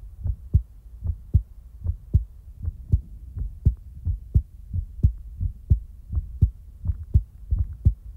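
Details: Real-time heartbeat recording: steady low thumping at about 83 beats a minute in a regular rhythm; a normal heartbeat.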